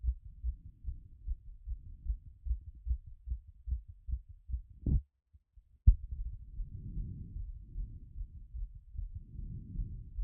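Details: Own heart auscultated after a workout, rate had been around 180 but already settling by recording: quick, regular thumping slowing down, brief gap, then muffled rubbing over the beats; heart sounds after exercise.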